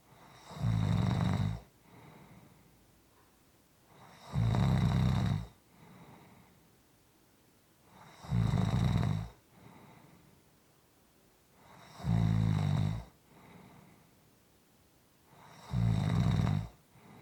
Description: This is a 6 1/4 minute clip of snoring.